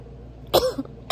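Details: Adult who often feels flu-like and sick after eating: a single short, sharp cough with a brief throat-clearing tail, against quiet room hum.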